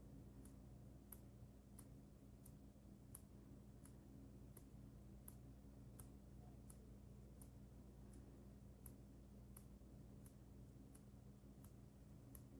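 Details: 27/29 On-X mechanical aortic valve with ascending aortic prosthesis, recorded 5 weeks post-surgery, harsher than heard in person: crisp, regular metallic closing ticks about 85 a minute over quiet room noise.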